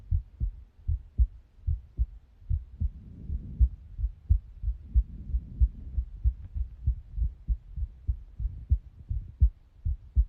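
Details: Steady, regular "lub-dub" beats at roughly 75 a minute with faint low rumbling between them, a very clear recording of the person's own heartbeat; normal first and second heart sounds.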